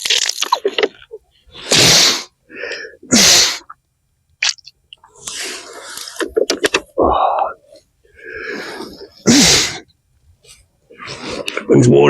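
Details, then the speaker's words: Adult man doing a saline nasal flush outdoors after a sinus infection, head tilted slightly, breath held: repeated forceful snorting and blowing bursts with sputtering, sneeze-like expulsions as saline flushes through the nose. "I always tilt the head slightly too. Helps it run out."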